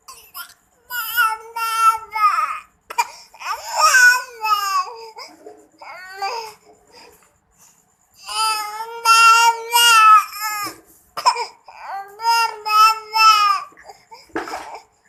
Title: Baby crying